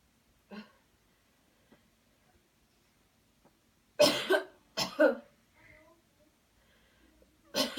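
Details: Deliberate airway-clearance coughing technique after guided counted deep breathing: a faint sound, then a cluster of about four forceful coughs and another cough at the end.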